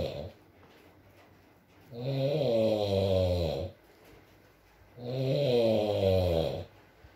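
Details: ASMR recording of a sleeping man (boyfriend) snoring: two long groaning snores on inhalation, about 20 breaths a minute, steady rain in background.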